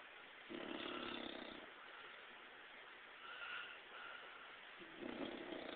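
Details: A bulldog sleeping on the couch: two rough, rattling snore sounds with a quieter noisy stretch between them, snoring.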